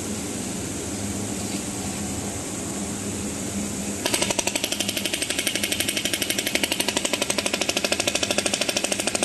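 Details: ESWT shockwave therapy machine (SW500B) handpiece firing: background hiss, then a rapid, regular train of sharp pulses at about four a second.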